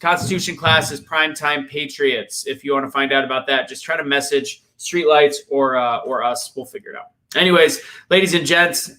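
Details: Adult male speaker; Ordinary speech.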